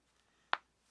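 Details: Joint cracking (thumb pop).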